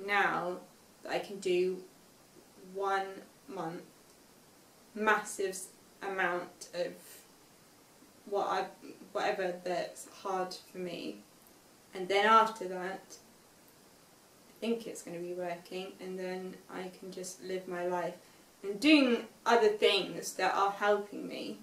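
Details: Young woman with aphasia after a stroke at age 18, five years post-stroke, describing a picture with word-finding difficulty and hesitations; aphasia.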